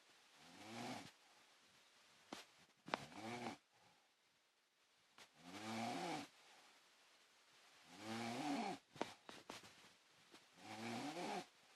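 Regular rough snores about every 2.5 seconds, roughly 23 breaths a minute, with quiet gaps between them and faint clicks in a quiet room.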